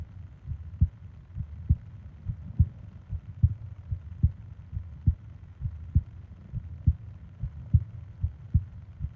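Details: Steady, low, thumping heartbeat at about 68 beats a minute with soft breathing noise, from a 20-minute ASMR heartbeat and breathing sleep recording; a normal resting heart rhythm.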